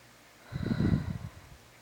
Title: Nap Snoring